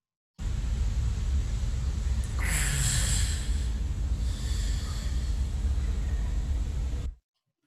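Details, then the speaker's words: Teaching audio example of gasping (agonal respiration), which occurs in fatal conditions such as cardiac arrest and needs urgent care: a single abrupt, harsh gasping inhalation over a steady low rumble. "now we'll as here two of the video two of the audio clips which will give us an overview of how gasping sounds like so the first one goes like this"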